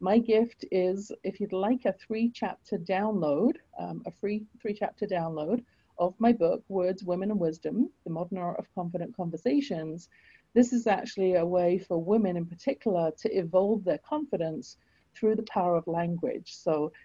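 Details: Adult woman speaking; normal speech.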